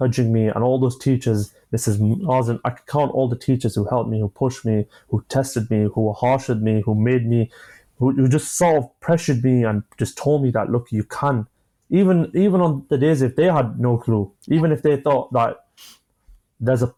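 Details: 25-year-old man who has stammered since early childhood; he says it began after an asthma attack, involves blocks, and he manages it with breathing methods and pauses; stuttering (stammering).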